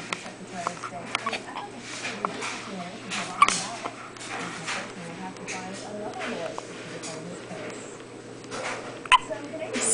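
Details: A 5-day-old baby girl with hiccups.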